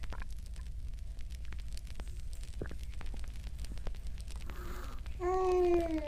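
Crackling pops and gurgles over a low rumble, ending in a rising tonal squeal: ordinary stomach growling.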